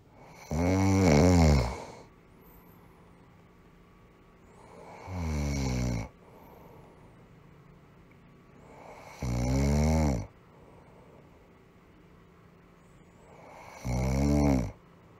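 Four loud, rough snores with quiet gaps between, about fourteen a minute, from a sound-effect recording.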